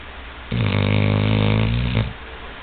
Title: Mimic the snoring Lab (chainsaw) volume up